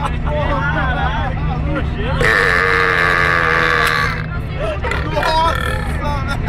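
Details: One prolonged, loud, deliberate voiced belch lasting about two seconds, between bits of talk over engine hum; burping.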